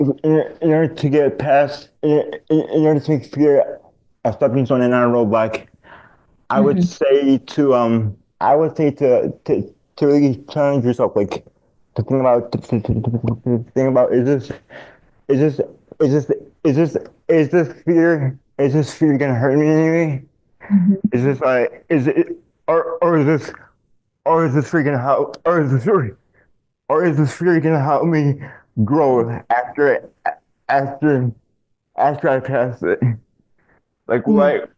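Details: Adult male with dystonia, a neurological disorder affecting mobility, diagnosed in childhood, with multiple childhood surgeries: dysfluent speech with frequent word and phrase repetitions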